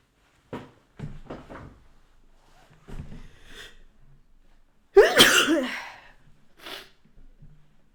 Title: Sneezing and Nose Blowing (Female)